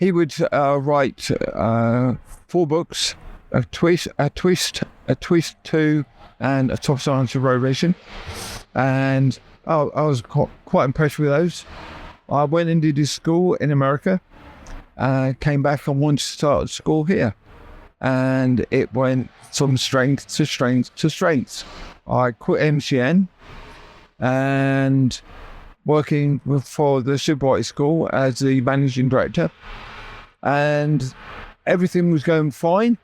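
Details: Aphasia after a stroke that left the right side paralysed and required relearning speech; initially left hospital able to say only three words; knows what he wants to say but words come out differently; adult male.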